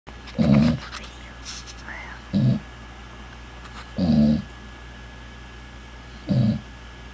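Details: A sleeping pet dog gives loud, low, rattling snores, four in about seven seconds, with quiet pauses between; snoring.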